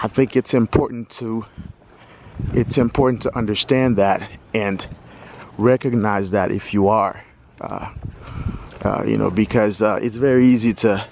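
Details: Stuttering in a 46-year-old man who says he has stuttered all his life.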